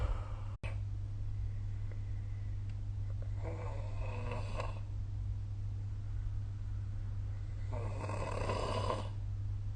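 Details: Snoring during sleep recorded with the SnoreLab phone app: two rough, rattling inspiratory snores about four seconds apart over a steady low hum.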